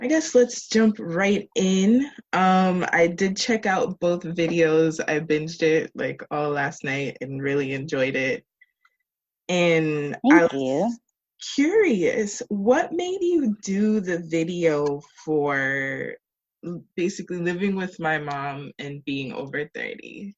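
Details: Adult speaker; normal conversational speech.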